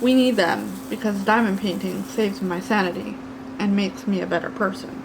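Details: Adult deaf woman who cannot hear her own voice; deaf speech.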